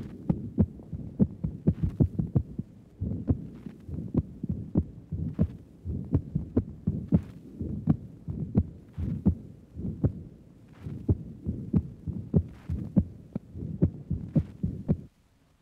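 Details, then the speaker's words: Woman with valvular heart disease, 1955 recording taken at the pulmonic area of the upper chest: regular heartbeats with a loud, sharp, accentuated second sound from raised pulmonary circuit pressure secondary to the valve disease. "There is evidence of accentuation of the second sound due to the increase of blood pressure in the pulmonary circuit, secondary to the valvular difficulty."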